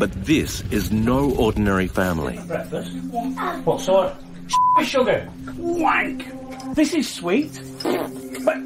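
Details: Adult man with severe Tourette syndrome, physical and verbal tics worsening at age 45; involuntary swearing; Tourette syndrome vocal tic (coprolalia).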